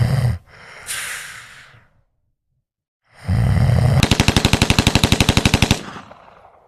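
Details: Woman snoring: a loud, snorting snore, then a rapid, rattling flutter of about fourteen quick pulses on one breath; an exaggerated, vibrating snore.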